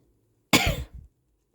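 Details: Single sharp, explosive sneeze with a brief trailing breath from an adult in a quiet room, induced by tickling the nose with the tip of a paper towel roll.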